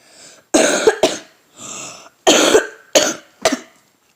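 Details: Child with a cold and a hoarse voice coughs five times in two quick bouts, with audible breaths drawn in between.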